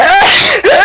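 A loud, voiced sneeze: a rising intake sound breaking into a forceful burst, with a brief pause before the voice trails on.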